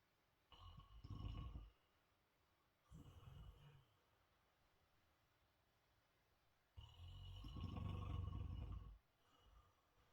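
Deep, rough low rumbles in irregular bursts with quiet pauses between them: snoring during sleep.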